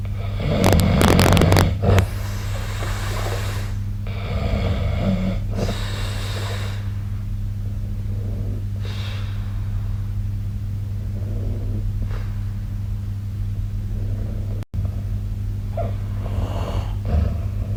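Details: Low, rumbling snorts and noisy breaths under a steady low hum, with a loud burst near the start; adult snoring during sleep.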